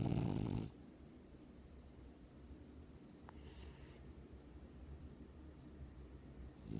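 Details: Sleeping French Bulldog lying on its owner's chest, apparently dreaming, gives one loud rumbling man-like snore, then quiet low breathing before the next snore; snoring.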